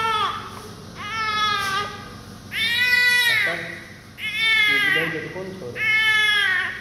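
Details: Repeated loud, strong wailing cries about one every one to two seconds from a newborn just cleaned of vernix after birth; a vigorous newborn cry.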